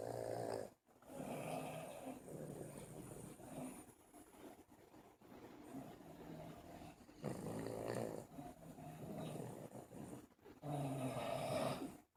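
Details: Buddy, a sleeping dog, snoring: loud, rough, rattling snores in repeated breath cycles with brief quiet gaps.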